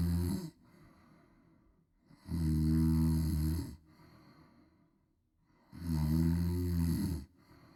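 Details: A woman snoring loudly: rattling, low-pitched snores about every three and a half seconds, roughly 17 a minute, with quiet breathing between; ordinary heavy snoring, presented as a sound effect.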